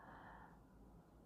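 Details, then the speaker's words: Small 2.5 kg female chihuahua snoring in deep sleep, a low, steady, engine-like rumble loud enough to shake the walls: snoring. "je suis désolée che ma une de mes petites chihuahua qui dort très profondément vous devez l'entendre on dirait un moteur elle fait 2,5 mais alors elle ronfle à faire trembler les murs"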